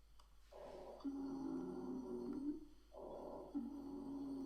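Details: On lung auscultation of a patient wearing a finger pulse oximeter, two breath cycles each end in a long, steady musical whistle on breathing out: expiratory wheezes.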